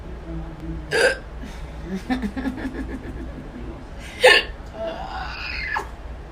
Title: hiccups part 3